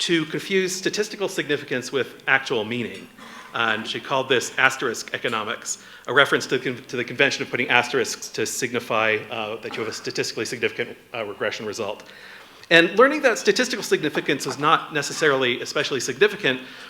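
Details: Adult male speaker; normal speech.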